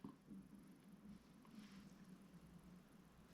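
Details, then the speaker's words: Stomach growling (borborygmi) in an adult man during a three-day juice fast: a quiet, low-pitched gurgling rumble with faint room noise. "That's my stomach right there talking to me, letting me know my hospital is working."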